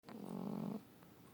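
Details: Cat snoring, said to sound like a human snore: a single low, buzzing, rattly breath under a second, then quiet.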